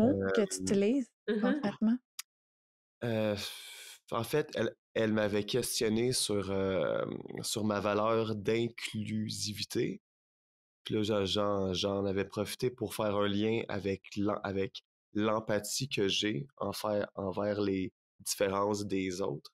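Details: Stuttering in a French-speaking retired man in his sixties, speaking spontaneously.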